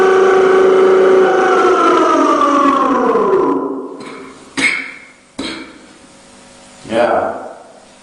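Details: Long drawn-out shout waking people for the pre-dawn sahur meal trails off into two or three sharp coughs.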